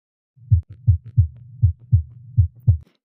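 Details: Simulated heartbeat in a VR medical training patient, heard through a virtual stethoscope: steady paired lub-dub thumps at about 80 beats a minute; heart sounds.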